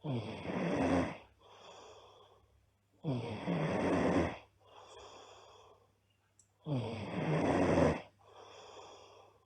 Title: Loud Snoring Girl